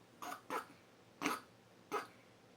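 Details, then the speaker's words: A pet duck coughing after eating, apparently food such as oatmeal stuck in his throat, a recurring event usually relieved by drinking water; cough. "Get a drink. You got oatmeal stuck in your throat? You good? You okay?"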